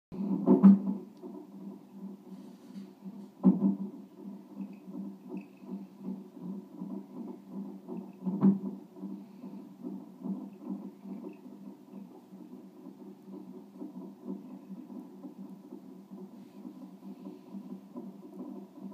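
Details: Rapid, soft, rhythmic whooshing pulses over Doppler with a few louder isolated thumps, possibly fetal hiccups; fetal heartbeat.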